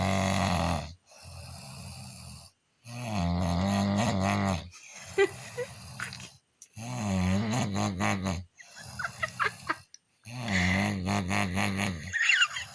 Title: Funny video of snoring